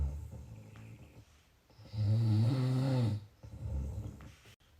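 A loud, low, rattling snore on the in-breath, between quieter breathing sounds. Snoring.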